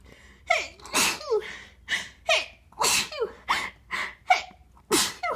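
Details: A series of sharp, forceful normal sneezes induced by tickling the nose with a tissue, some with a brief voiced 'ah' before the burst, in a quiet room; sneeze.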